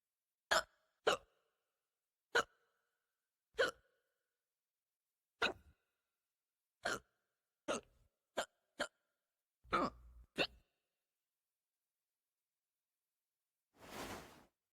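Eleven short, abrupt hiccups come at uneven intervals, some close together, then a breathy exhale at the end.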